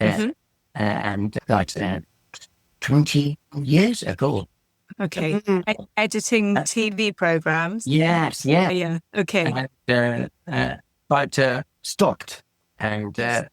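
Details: Adult man with aphasia from a stroke about 17 years ago, with difficult speech and reading unaffected: non-fluent aphasia.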